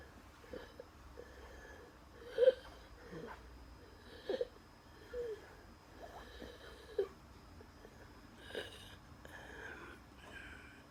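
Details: Asthma attack at night with dizziness and chest pain: noisy breathing with short high whistling squeaks on several breaths in a quiet room; wheeze.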